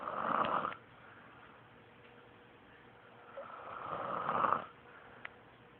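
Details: Sister's boyfriend snoring after a rough day: two loud, rough, rattling snores a few seconds apart, with quiet breathing between them; ordinary snoring.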